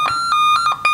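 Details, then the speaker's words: Supraventricular tachycardia shown on a monitor in a critical-care nursing skills-lab demonstration of the defibrillator, with a very fast heart rate above 150 beats per minute. "ini adalah supraventricle tachycardy. Nah, ini heart rate-nya sangat cepat, di atas 150 kali per menit."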